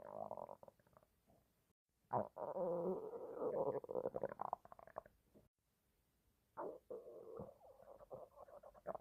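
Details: Male stomach growling: loud gurgling, squeaky rumbles in long bursts with short silent gaps, typical borborygmi.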